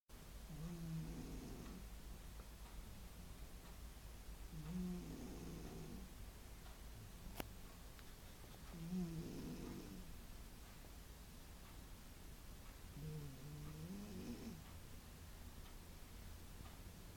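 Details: Cat snoring while asleep: soft, low, rattling snores at about 14 breaths a minute over a steady room hum.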